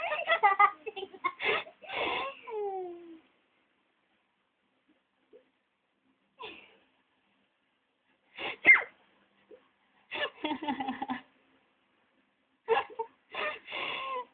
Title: Baby LAUGH HIS OWN SNEEZES